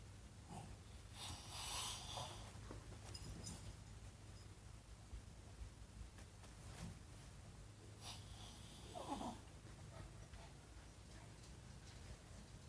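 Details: Snoring: quiet, rough snoring breaths with snorting noises on the in-breaths, recurring every several seconds in a quiet room.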